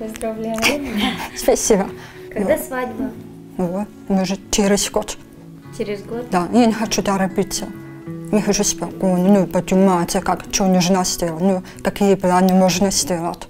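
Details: 23-year-old woman diagnosed with grade 3 hearing loss at 1.5 months, cochlear implant at age 7, 16 years of implant use, speech sounds taught by a speech teacher after implantation; speech of a prelingually deaf cochlear implant user.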